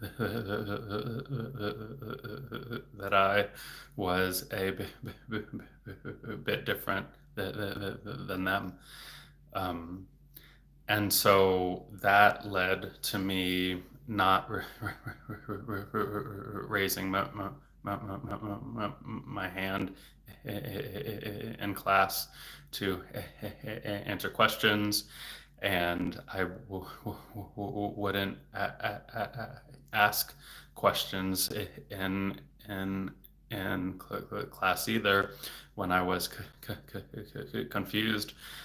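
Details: Stuttering in an adult male speech-language pathologist who has stuttered since age eight, worse since his teens and currently in a period of stuttering more, with word and part-word repetitions and blocks.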